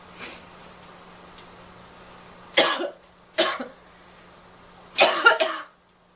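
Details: Girl coughing: three loud, harsh cough bursts, the last a double cough, over about six seconds with low steady background hum; cough.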